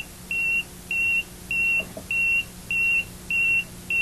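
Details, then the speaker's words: LP6 ventilator: regular repeating high-pitched beeps, about 100 a minute, high pressure alarm sounding when patient pressure meets the high alarm limit. "the patient pressure meets the high alarm limit point the high pressure alarm sounds"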